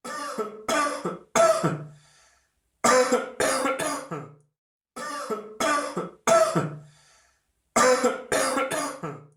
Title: Öksürük Sesi - Cough Sound